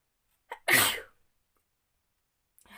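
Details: Short in-breath then one sharp, explosive sneeze, deliberately induced in a sneezing challenge by tickling the nose with a piece of paper; about ten sneezes in all, leaving the eyes watering.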